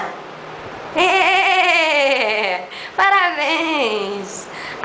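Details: Patient with amyotrophic lateral sclerosis (ALS) singing Happy Birthday at the therapist's request during speech therapy; finding: mixed dysarthria with spastic features.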